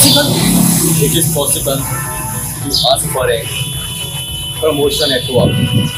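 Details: Stuttering in a person working to overcome their stutter with the McGuire Programme.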